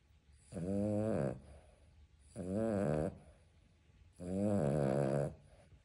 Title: Bostons have snoring powers 😂 #shorts #bostonterrier #cute #dogs #shortsvideo #happy #puppy